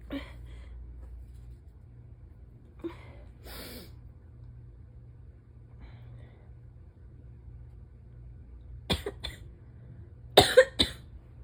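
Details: Several forceful sneezes, some in quick pairs, with soft breaths and sniffs between, from an adult about a week into a non-COVID respiratory illness going around work; sneezing.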